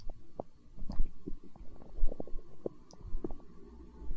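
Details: Stomach growling (borborygmi), hunger sounds from an ASMR recording: soft, low gurgles and bubbling pops from the belly.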